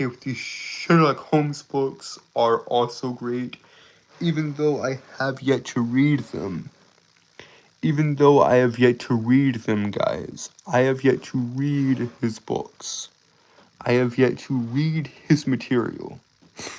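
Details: Stuttering, self-reported speech impediment causing stuttering and tripping over words.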